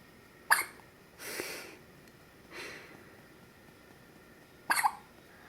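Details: Infant hiccups, the baby's second bout in two days and said to happen a lot: two abrupt hiccups about four seconds apart with soft breaths between, over steady room hiss.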